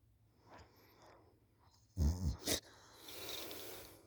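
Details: A schoolchild asleep on the couch after school, recorded by a parent: a loud, low, rattling snore of about half a second rising from quiet breathing; ordinary snoring.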